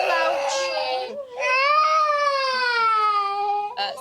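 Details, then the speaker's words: Young boy at a GP surgery after an injection; loud, sustained wailing cry with long drawn-out sobs; child crying in pain. "that's it I'm sorry you didn't like that did you"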